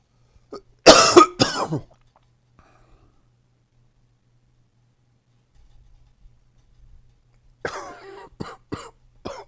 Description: Fresh and new coughing from my current cold.